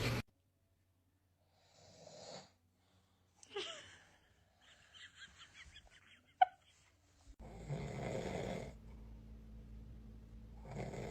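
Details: Dad snoring while a baby reacts: rough, rattling snores on the in-breath, with a loud snort and quiet gaps between, in a quiet room.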